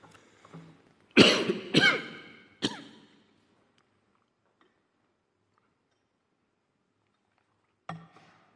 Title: Chinese President has been caught coughing